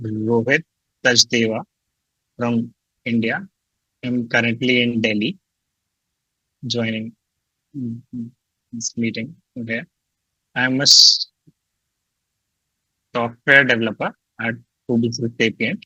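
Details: Young adult male who describes himself as a person who stutters; stuttering.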